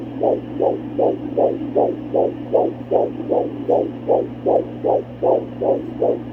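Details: Fetal heartbeat on Doppler at almost 17 weeks of pregnancy: a fast, regular whooshing beat at about 154 beats per minute, a normal fetal rate.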